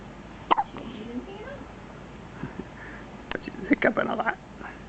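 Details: Short, abrupt hiccups from a 1-day-old newborn girl after feeding, possibly from overeating, with soft fussing and nearby adult talk: hiccups.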